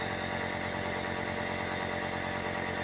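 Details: Steady droning hum and rattle of a BPL compressor nebulizer motor running continuously with a mask, shown for child nebulization; the fogging output is adjusted with a pressure-release valve.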